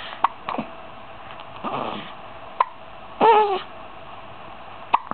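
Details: 15-day-old baby with recurring hiccups: sharp, brief hiccup clicks about every two to three seconds, with a faint vocal squeak between them, over steady room hiss.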